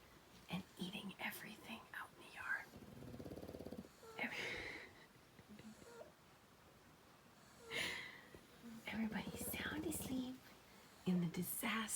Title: 6 napping dogs - Pugs snore SO LOUD 😅🥰